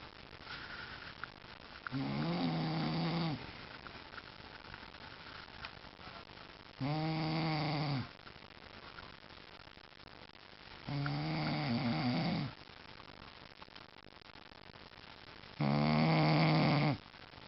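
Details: Adult man (dad) snoring while asleep on the couch: four loud, rattling, voiced snores at regular intervals, about 13 per minute, with quiet breathing and room noise between; snoring.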